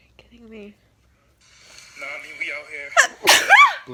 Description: dyed my hair kinda pinkish, it made me sneeze a lot.